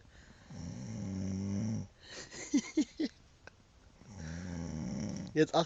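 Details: Person snoring after camping and drinking: two long, low, rattling inhaled snores with brief snorting sounds between them.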